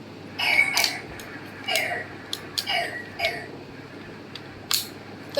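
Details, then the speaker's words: Young boy with a chronic cough of three months, with weight loss and suspected allergy; worse at night, coughs lying down and even in sleep: about five short dry cough bursts in a quiet room. "ये देखो अभी ऐसे बैठा रहेगा बैठ जाएगा मतलब ऐसे लेटा रहेगा खासता रहेगा थक जाएगा सोता सोता भी खासता रहेगा"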